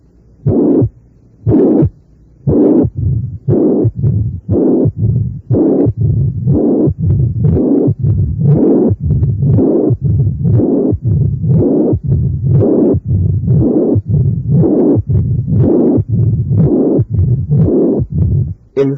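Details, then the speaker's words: Reconstructed auscultation of combined mitral stenosis and regurgitation: regular cycles of about 59/min with a systolic murmur followed by diastolic rumbling murmurs. "y reconstruido para ustedes este complejo ausculta torio primero el soplos histórico y después los soplos días históricos"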